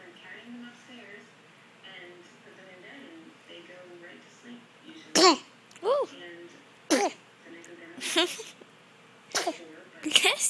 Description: 1 day old baby sneezing.